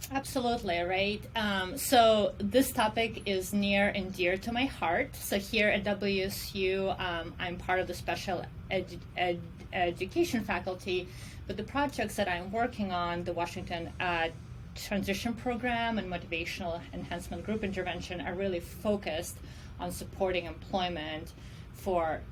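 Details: Adult woman who self-reports stuttering as her disability; speech in this clip has repeated words; stuttering.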